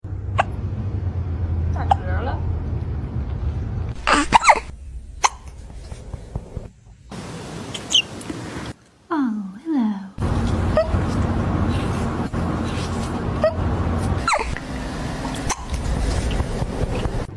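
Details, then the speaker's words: Cat with hiccups: small, abrupt catches a few seconds apart over room noise while a person talks softly to it. "You have the hiccups?"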